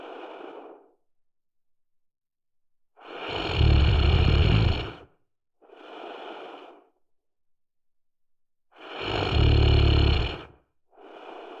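Loud, low, rattling snores on each inhalation, alternating with softer breathy exhalations, about ten breaths a minute.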